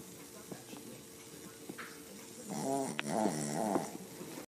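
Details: Dog snoring loudly: low steady hum early, then rough, buzzing, rattling snores swelling toward the end, likened to a chainsaw.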